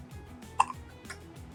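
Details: Infant hiccups that would not stop: a single sharp, short catch of breath over background music.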